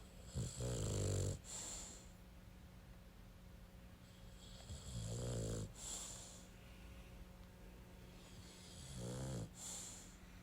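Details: Dog snoring: three rumbling snores on the in-breath, each followed by a soft hissing out-breath, about 17 breaths a minute, over a steady low room hum.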